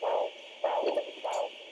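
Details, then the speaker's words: Fetal heartbeat picked up by Doppler ultrasound, played at its actual rate: rhythmic whooshing pulses at about 100 a minute. "I'm gonna actually let y'all listen to a baby heartbeat so you're just going to be able to hear it this is the actual rate okay their hearts beat faster than ours"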